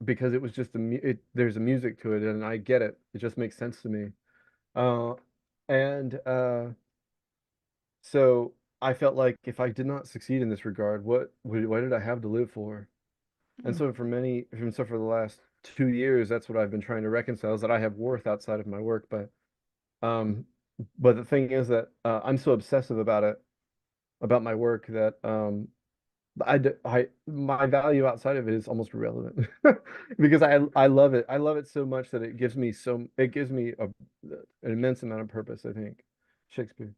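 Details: Vocal tic of Tourette syndrome in an adult man diagnosed with Tourette's; a repeated tic word interrupts his speech.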